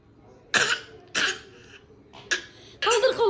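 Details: Three short, sharp coughs from a young boy, closely spaced, followed by a brief voiced sound; plain coughing.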